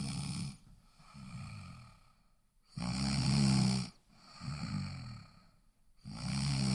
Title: Snoring Sounds